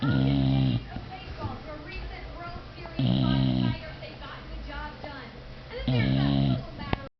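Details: Snoring while relaxing: loud, low, rattling snores about every three seconds, roughly 20 a minute, with quieter room sounds between them.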